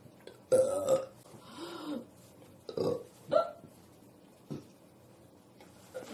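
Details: Person feeling stuffed with stomach pain and nausea after ribs with milk and a soda; several low, gurgling belches of varied length, coming so close together breathing is hard: repeated burping.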